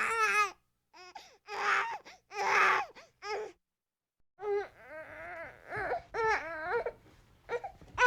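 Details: Sound-effect clip of a frustrated baby crying: loud, wavering cries in short bursts with fussy whimpers between them; a frustrated infant cry.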